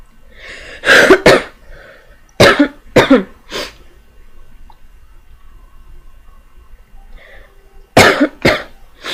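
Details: Adult with a repeated cough, about seven sharp coughs in three short bouts separated by quiet pauses, with faint breaths in between; the cougher reports feeling better.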